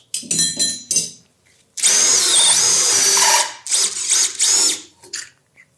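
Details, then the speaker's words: Powered drill with 11 mm bit and soft-tissue protector, stopping at the 10 mm proximal nail diameter, opening the proximal tibial canal for an Expert intramedullary tibial nail; high-pitched motor whine in bursts varying with load. "y con el motor podemos perforar él va a tener un tope de ahí no va a pasar sí que es el diámetro proximal del clavo que es de 10"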